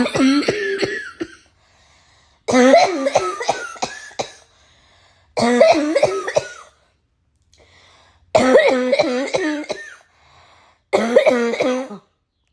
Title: Waking up to this so no derful barking cough😒 #cough